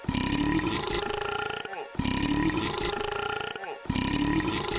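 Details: Repeated long, loud, rumbling belches about every two seconds, each ending in a short pause, over one minute; burping.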